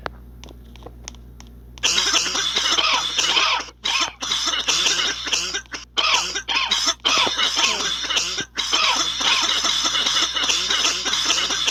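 After a quiet start, a long run of rapid, harsh coughs follows with only brief pauses, over a steady low hum: a coughing fit.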